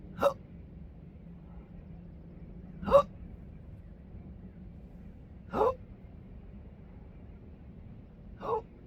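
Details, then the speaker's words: Intractable hiccups present since December 2015, with burps, choking spasms and developing achalasia: four abrupt gulping hiccups about every 2.7 seconds, recorded outdoors on a coastline at sunrise over steady outdoor noise. "I thought I'd let you enjoy some of uh my morning meditation that I come on through the roof and uh enjoy the sunrise while I'm hicoping."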